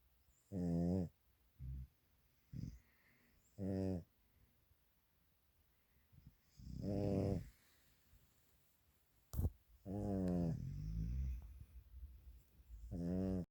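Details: A dog and a man snoring together at night. The owner says she has never heard a dog snore so loud, and that he snores almost from the minute he lies down asleep. Loud, rough, voiced snore bursts, some drawn out, with quiet pauses. Snoring.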